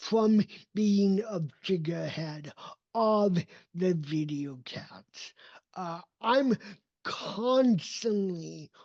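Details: Dysarthria in an adult man with cerebral palsy; his speech did not develop until age seven, after extensive speech therapy, and he still trains it constantly.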